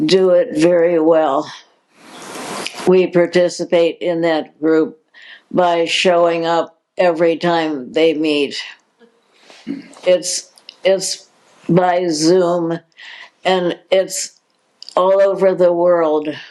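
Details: Adult woman diagnosed in 2020 with progressive supranuclear palsy, a progressive neurological disease with no cure: speech disturbance in progressive supranuclear palsy (hesitant speech with word repetitions).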